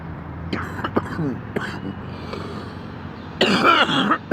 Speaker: Hang on, I gotta cough something up. That's a little better.